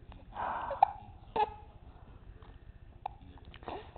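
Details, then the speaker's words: Baby hiccuping again: three brief, sharp hiccup sounds amid soft babbling in a quiet room, ordinary infant hiccups. "uhuh too much talking give you the hiccups how'd you get those"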